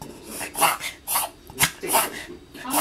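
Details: A dog gives about five harsh, raspy bursts of coughing in under three seconds in a small room.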